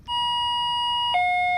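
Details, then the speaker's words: Loud steady electronic alarm tone dropping to a lower pitch from a Medfusion 3500 pediatric syringe pump, triggered because setup was too slow after priming the tubing and before loading the syringe; silenced with the alarm button. "it's complaining because I've been too slow this is our alarm button it's a silencer"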